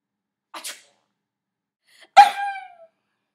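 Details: A deliberately fake, acted sneeze: a soft inhaled 'ah' followed by a sharp voiced 'choo' burst, a single playful imitation sneeze.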